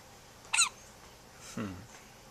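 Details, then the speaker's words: Sleeping infant daughter hiccuping, recorded with a Flip Video camcorder: one brief, sharp, high-pitched squeaky hiccup "like a little mouse," followed by a soft low hum in a quiet room. "This is our daughter hiccuping. She's asleep and she's hiccuping. It's like a little mouse."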